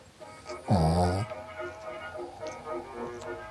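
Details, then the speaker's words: Sleeping dog giving a loud, low, buzzing snore with soft breathing noise and background music. "Can you hear the snoring? And my husband came in. Odin is snoring and it's so cute."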